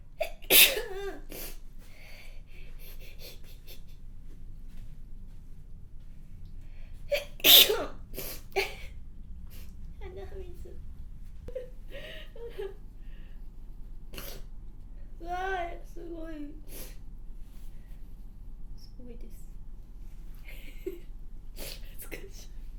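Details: An adult woman sneezes twice, with sniffles and soft breaths between; sneezing with a runny nose on a windy day with heavy airborne pollen.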